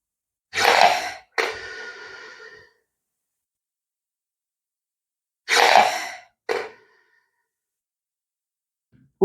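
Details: Respiron Classic low-cost inspiratory flow incentive device used for strength gain with prolonged inspiratory and expiratory times: two rounds of forceful breathing, each a loud breath then a shorter one, separated by a pause; incentive spirometer exercise.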